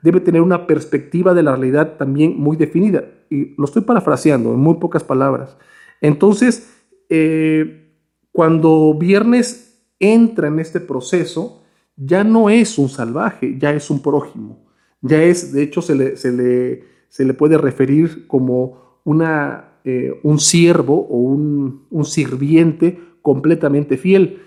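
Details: Spanish-speaking man who implies he is a person who stutters; spontaneous monologue; stuttering.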